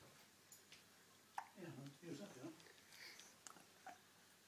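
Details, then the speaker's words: Hiccups in a baby boy about 3 months old while he is chatting with his dad. "have you got hiccups oh the poor reese's baby have you got them hiccups"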